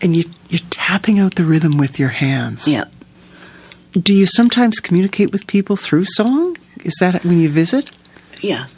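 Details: Adult speakers in conversation; normal speech.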